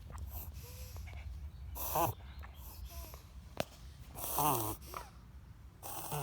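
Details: Dog with near-daily bouts of noisy, whistling wheezing breaths, sometimes lasting several minutes, each bout ending with a large burp; cause unknown to the owner; low room hum behind.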